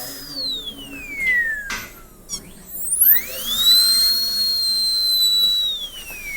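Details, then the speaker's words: High-pitched whining dental drill sweeping up and down in pitch as it cuts a maxillary premolar Class II box preparation, drilling at the axial wall, in a dentist training class. "So you have to look this way. And now we're in control. We can drill a hole at the axial wall, cut away from those walls, facially and legally."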